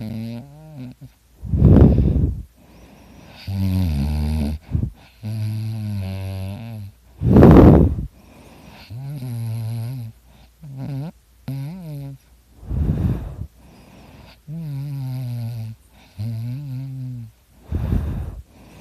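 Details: Adult snoring: loud, rough, rattling snores alternate with softer breaths, about eleven a minute, with the harsh buzzing, chainsaw-like tone of heavy snoring.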